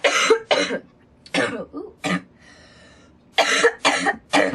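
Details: Coughing in a girl, around smoking tobacco: repeated harsh, forceful coughs in clusters with short pauses, a coughing fit.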